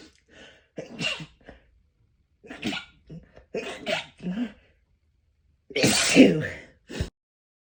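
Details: Sneezing after repeated held-back sneezes, with the nose pinched to hold them in for over a minute: several short stifled sneezes, then one loud forceful sneeze with a brief follow-up.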